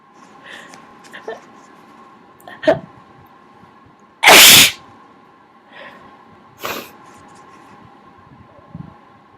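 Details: Person who says they are getting sick, sinuses clearing: one loud, sharp sneeze then a smaller second burst, among quiet sniffs and nose-blowing sounds in a small room; sneeze.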